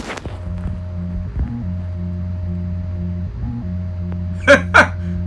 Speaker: okay this person needed surgery to have an artificial heart placed in his chest this is what the heartbeat of an artificial heart sounds